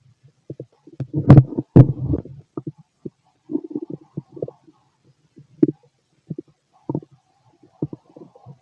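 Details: Male's stomach growling: irregular low gurgles and rumbles in bursts, with two louder growls early on; normal bowel sounds of a healthy digestive system.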